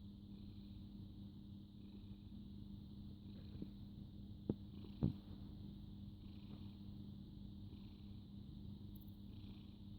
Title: Snoring cute cat